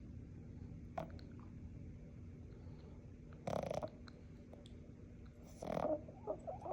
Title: 4months old Boston terrier , snores loud